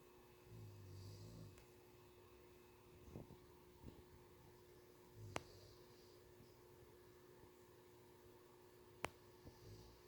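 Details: Soft, low rumbling human snores recurring about every four seconds, quiet and distant in a still room, while a cat falls asleep.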